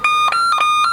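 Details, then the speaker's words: A defibrillator patient monitor alarm in a critical-care nursing skill lab while the ECG display shows atrial fibrillation, during a demonstration of arrhythmias. "ya kemudian ada gambaran namanya ventrix atrial fibrilasi atrial fibrilasi ya ini gambaran atrial fibrilasi"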